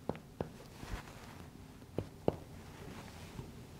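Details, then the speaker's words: Soft, low, hollow taps from percussion of a male patient's back, with his arms folded, during a lung examination demonstration; resonant percussion note. "james i'm now going to tap on your back if you could just fold your arms for me"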